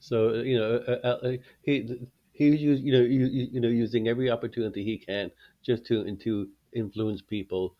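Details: Stuttering in a 21-year-old man, a former covert stutterer who now stutters openly, speaking English as his second language.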